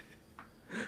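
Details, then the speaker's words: Dog in deep sleep snoring: a faint nasal snuffle, then a louder rasping breath in a quiet room. "Also, you can probably hear Daisy snoring. Did you just hear that loud one?"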